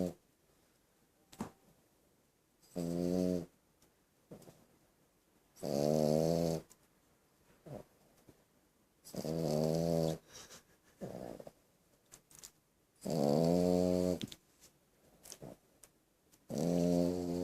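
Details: French Bulldog: loud, rattling, buzzy snores in regular breaths, about four to five in the recording, with quieter snuffles between; snoring.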